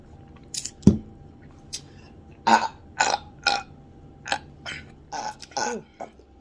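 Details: Loud burping after drinking Izze sparkling lemonade: one deep, throaty belch followed by a string of shorter gulping and breathy sounds.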